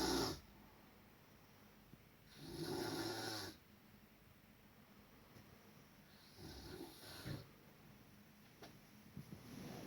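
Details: Loud, rough snores about every four seconds, each a fluttering rattle on the breath, with quiet pauses between; snoring.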